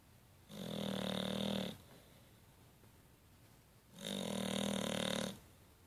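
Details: Snoring during sleep: two long, buzzing snores, each about 1.3 seconds, separated by quiet pauses.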